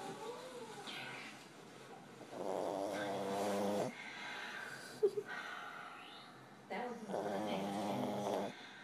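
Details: Sleeping individual snoring extra loud; loud, buzzing snores, each over a second long, with quieter breathing and a brief snort between: snoring.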